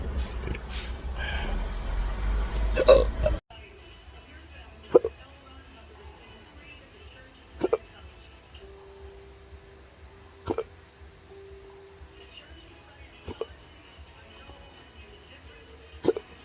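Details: Intractable hiccups with choking spasms, Oct–Nov 2022, in a patient in a cancer study; episode began 4:45 a.m. and is worsening: noisy start, then five sharp, abrupt gulping catches at irregular intervals of a few seconds in a quiet room.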